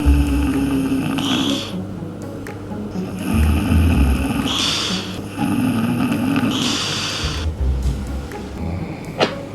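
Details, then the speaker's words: Recording of an adult woman (the speaker's mother) snoring: repeated rough, rattling breathing sounds every few seconds with low rumbling through each breath; music plays in the background. "저기요 응 여사님 코고리 소리입니다 이게 저한테 뭐라고 하지 마십시다 아시죠"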